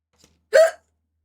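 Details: Hiccup from a streamer during a live stream: a single sharp, voiced hiccup with a short catch of breath, in silence.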